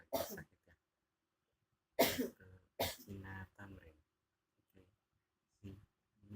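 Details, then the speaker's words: Cough in an ill adult with a sore throat, who moved from bed to sitting on a chair because coughing lying down was uncomfortable: three forceful coughs with rough, throaty tails and short pauses, in a quiet room. "barusan batuk-batuk ya. Jadi dari tempat tidur batuk terus beranjak ke kursi atau ke bangku merah."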